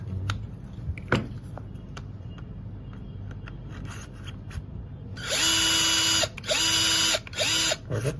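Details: Surgical drill in a simulated knee trochlear replacement (patient-specific Episealer drill guide, custom trochlear implant for a chondral lesion, practised on a sawbone model): clicks and handling noise, then three loud bursts of high motor whine deepening the implant hole.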